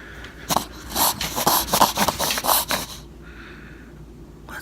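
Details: Dog with reverse sneezing from wind chapping of the soft palate and throat after overexertion outdoors in snowy weather: a rapid run of harsh, snorting inward gasps through the nostrils in a spasm.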